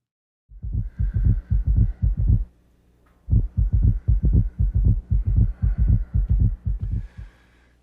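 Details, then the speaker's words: Summation gallop in acute heart failure: rapid, regular low-pitched heart sounds in which S3 and S4 merge with S1 and S2 into a gallop rhythm, from a heart failure and pulmonary edema teaching recording. "In acute heart failure, you'll often hear a combination of all four of these heart sounds, called a summation gallop."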